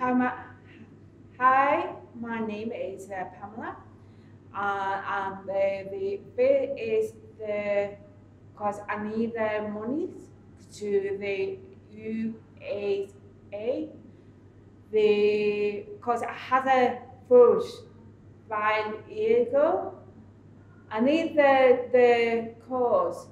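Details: Adult woman speaking; aphasia.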